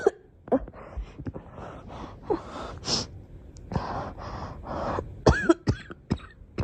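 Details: Child (girl) with harsh cough: a few single bursts, then a run of quick coughs, with short breaths between.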